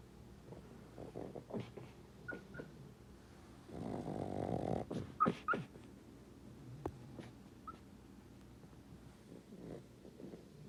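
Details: Sleeping pug dreaming: rumbling snores between soft snorts, muffled huffs, barks and brief high whimpers; snoring.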